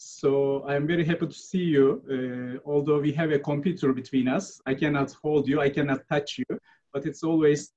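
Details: Adult male speaker; Normal speech.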